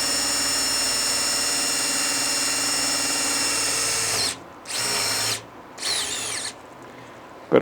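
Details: High-pitched surgical power drill whine, steady then in short bursts, with a 5.0 drill bit through a drill guide on the spiral hole, boring posterior to anterior for a distal locking screw of an ankle arthrodesis intramedullary nail.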